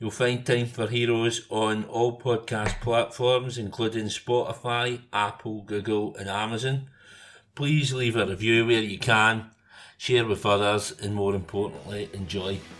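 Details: Adult man speaking; normal voice.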